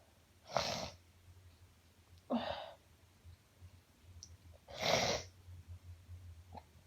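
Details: Uncontrollable sneezing fit: three forceful sneezes a couple of seconds apart, with quiet breathing between them.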